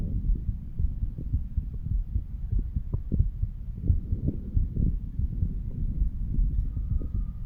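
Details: Stethoscope chest auscultation of a 35-year-old male moved across the mitral, tricuspid, pulmonary and aortic valve areas: low, muffled heart thumps; heart sounds.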